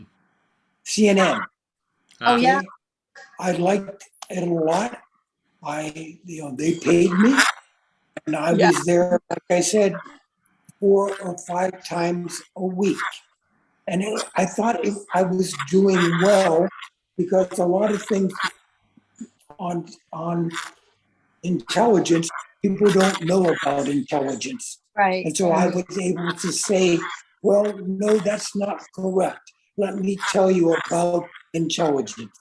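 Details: Adult man with aphasia since a stroke about 3.5 years earlier, getting a little better, attending a stroke recovery center for over 2 years; aphasia.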